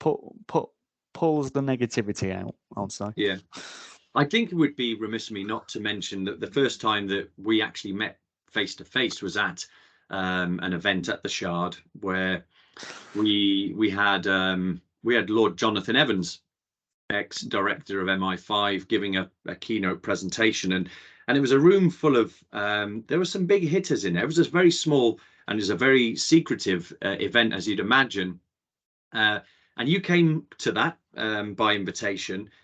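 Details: Adult male speaker; normal conversational speech.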